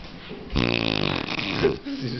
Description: The loudest, most unbelievable snoring you have ever heard.